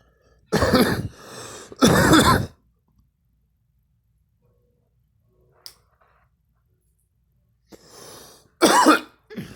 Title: girl coughing and me